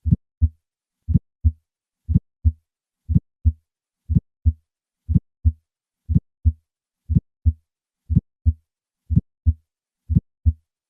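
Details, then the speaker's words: Patient with a bicuspid aortic valve, regular beat at 60 a minute: three normal beats, then a crisp ejection click just after the first heart sound, widely transmitted and heard loudest at the cardiac apex; aortic ejection click. "Listen to a patient with a bicuspid aortic valve. I will start with 3 normal beats and then add the ejection click. This ejection click is widely transmitted across the precordium and is often heard loudest at the cardiac apex, as shown here."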